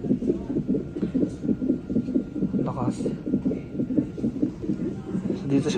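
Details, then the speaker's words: Fetal heartbeat on a hospital fetal monitor during labour in Canada, with the mother on 20-minute contraction monitoring: fast, regular whooshing pulses at about 130 a minute, said to speed up then slow, under brief speech. "So guys, yung naririnig nyo, yun yung heartbeat ni. That's cool."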